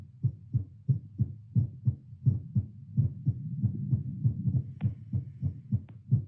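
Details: Self-recorded heartbeat through a Littmann CORE stethoscope during 10 squats, after a seated baseline near 96 bpm. Rapid, fairly regular, muffled normal heart sounds, roughly 100–120 a minute, with some rubbing noise.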